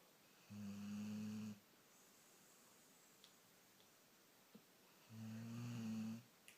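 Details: Dog snoring while half asleep: two low, buzzing, droning breaths about five seconds apart in a quiet room.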